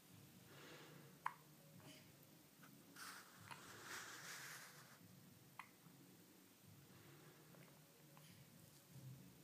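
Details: Hiccups during a break at dinner: three sharp, brief hiccup clicks a few seconds apart, about 18 a minute, in a quiet room.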